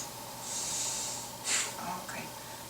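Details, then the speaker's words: Female patient with allergies on medication, breathing through the nose during a nurse's simulated home physical assessment, nasal inspection; no septal deviation found: soft airy breaths with one stronger sniff over room hum; normal unobstructed nasal airflow. "now I'm going to inspect your nose okay I want you to breathe for me like let go your nose"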